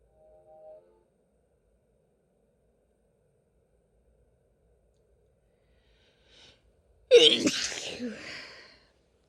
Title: Christmas Chhinkni Sneezes (F)